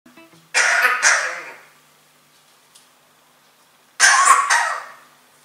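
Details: Parrot coughing: two harsh cough-like bursts, each a double hack that trails off.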